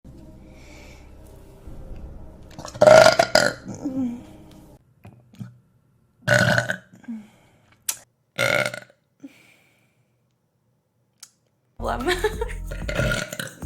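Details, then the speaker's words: Streamer burping during a livestream, apologizing that one didn't come out all the way: several loud, low, gurgling burps in a row, some long and drawn out, with brief pauses. "Yeah. Excuse me. It didn't come out all the way. I'm sorry."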